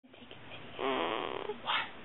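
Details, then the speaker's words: Soft, rough, noisy nasal breathing from a sleeping 2-week-old baby girl, a gentle newborn snore; snoring. "trying to take a video of her snoring. Sorry. So cute. I haven't gotten it yet."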